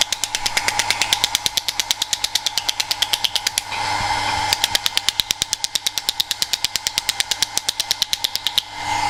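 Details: Rapid, regular sharp clicking pulses, about three per second with a brief pause, from a shockwave device applied to two lower lumbar muscles to relax them; radial shockwave therapy device in operation.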